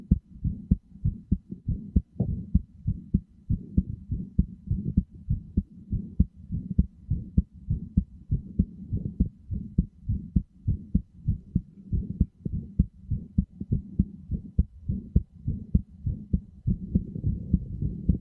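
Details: Heartbeat: steady low thumping at about 100 beats a minute, each beat a paired lub-dub.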